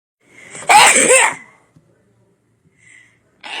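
A short in-breath, then one loud explosive sneeze, followed by quiet.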